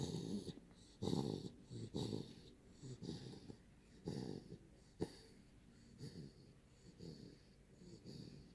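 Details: Sleeping 9-week-old Daniff puppy snoring: rough, rattling snoring sounds with each breath, about 15 breaths a minute, with a faint whistling edge.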